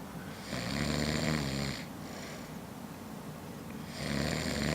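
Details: Adult man snoring in sleep after drinking Scotch to celebrate a Stanley Cup win: long, low, rattling snores on the in-breath, about two breaths heard, with quieter breathing between.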